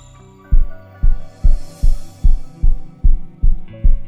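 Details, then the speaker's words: Regular thumping heartbeat, about 146 a minute, over background music, in an educational animation on the SA node as the heart's pacemaker setting the heartbeat rhythm. "we conclude that it is the SA node as the cardiac pacemaker which sets the rhythm is city of the heartbeat"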